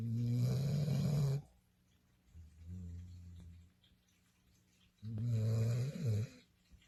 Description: I seated in the sofa with my baby 🍐 when I heard something and I said wait a minute, she is snoring...